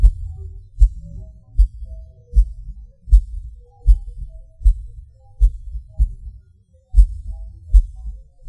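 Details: Self-recorded heartbeat with PVC/PAC premature beats, felt as a sudden rush or falling: a deep heartbeat at about 78 a minute with uneven spacing, skipped and extra beats, and occasional pauses; an irregular rhythm.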